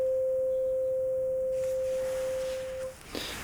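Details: Simulated ASMR roleplay hearing assessment: a steady pure tuning-fork tone sounds for about three seconds, then stops with a soft handling noise, in the air-conduction step of a Rinne test.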